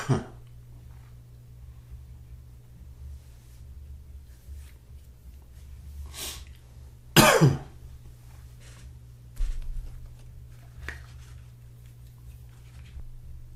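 Three short, fairly soft single coughs spaced apart, with a steady low room hum behind them.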